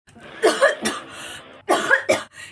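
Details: Several sharp, harsh cough bursts in quick succession from an elderly mother character with a cold, acted for a comedy skit.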